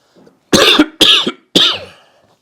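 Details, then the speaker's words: Adult man with COVID-19 (second infection in five months), heavy breathing, fever and loss of smell, says he feels fine otherwise; three harsh, forceful coughs in a quiet room. "i'm not really worried about my condition it's i'm feeling fine except for breathing heavy breathing and coughing more or less it's fine"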